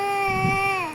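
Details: Baby crying unhappily: a brief, steady, high-pitched infant wail lasting about a second, falling slightly in pitch at the end.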